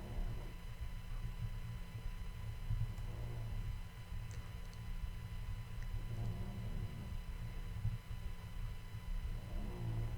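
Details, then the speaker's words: Small Chihuahua, exhausted and asleep at owner's feet near the microphone: low, rumbling snores about every three seconds over a steady background hum. Snoring. "re you can probably hear my chihuahua snoring he's exhausted he's not that old but he sure can snore okay he's at my feet right now so he's not very far from the microphone"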